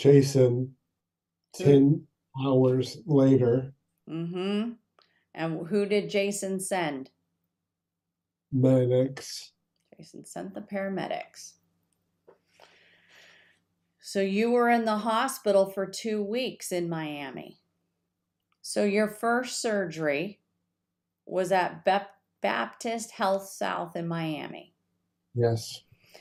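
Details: Two adults in conversation; conversational speech.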